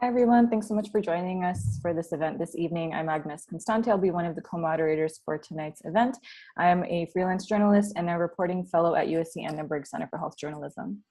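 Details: Adult woman; typical speech.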